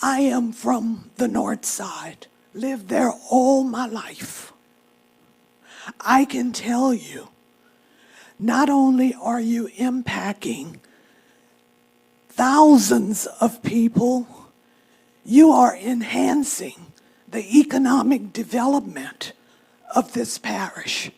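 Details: Speech of an adult woman who states she has spasmodic dysphonia, speaking at a public comment session; spasmodic dysphonia.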